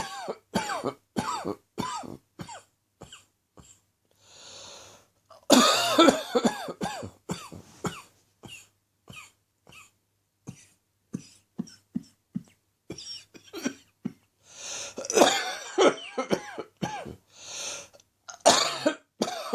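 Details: Adult with a chesty, productive morning cough less than an hour after getting out of bed: repeated harsh, rattling coughs in bouts.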